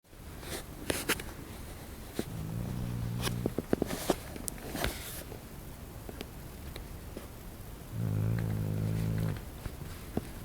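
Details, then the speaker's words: Sleeping dog snoring: two low, buzzing, vibrating breaths about five seconds apart, with scattered rustling and clicks. "He's snoring. Uh-oh."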